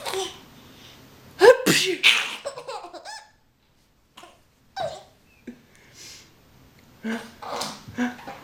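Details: Early morning after breakfast: a sharp explosive sneeze burst followed by laughter and quieter sounds; sneezing.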